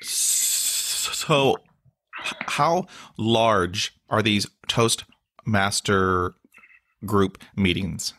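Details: Stuttering in an adult male with blocks, facial tics and years of speech therapy; word and interjection repetitions are heard.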